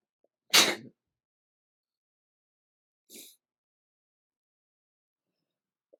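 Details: Person with a late-summer cold: one sharp, explosive sneeze followed by a softer second one in an otherwise quiet room; sneezing.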